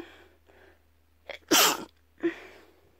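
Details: A quick inhaled catch, then a loud explosive sneeze and a smaller second burst; a few induced sneezes.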